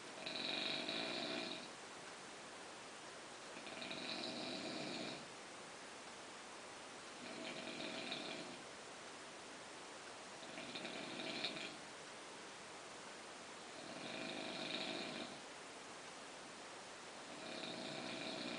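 Steady, rhythmic snoring with a nasal rasp on each breath, about 18 breaths a minute, over soft room hiss.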